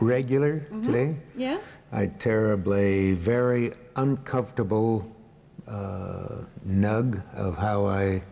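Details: Patient with severe Wernicke's aphasia who remains conscious, answering an interviewer's questions in a clinical case; Wernicke's aphasia.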